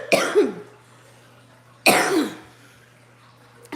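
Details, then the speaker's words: Two separate cough bursts, each with a sharp onset and a short rough tail, from an adult woman with a persistent cough she cannot get rid of, who is taking Mucinex that dries her throat. "listen remember I told you I can't get rid of the cough my doctor and Ron Wilson told me to take the Mucinex I'm using the Mucinex but it keeps my throat dry and it makes me cough"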